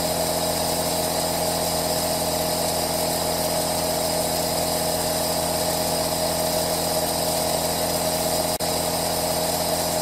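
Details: Aerosol nebulizer running, recorded as a 3D ASMR white-noise track: steady continuous hiss and hum, with one brief dropout near the end; normal device sound.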